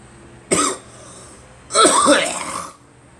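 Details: Two coughs in quick succession, the second longer and harsher, from an adult with a cold that began after a flu shot: a cough.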